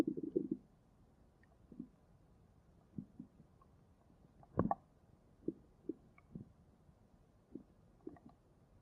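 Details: Stomach growling: quiet, scattered gurgles and short growls from the belly over a steady background hiss, ordinary bowel sounds.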